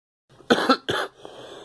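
A short double cough, two harsh bursts, with no clear wheeze afterwards.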